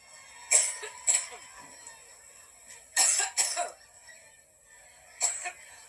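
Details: Adult woman speaking at a public event, coughing after talking a lot: repeated short coughs in clusters, about six in all, with background hum; a coughing fit.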